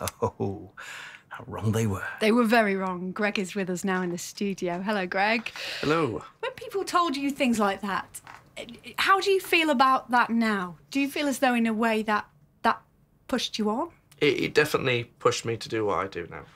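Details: Adult radio presenter and adult male guest; normal speech.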